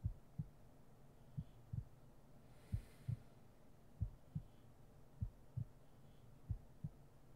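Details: Heartbeat in an ASMR sleep-aid roleplay: soft, steady, paired lub-dub beats at roughly 70 beats a minute in a quiet room.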